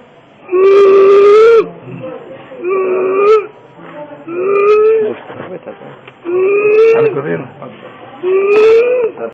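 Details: Loud, high-pitched crowing inspiratory stridor on each labored breath, about five breaths, in a breathless patient with laryngeal carcinoma who then underwent tracheostomy.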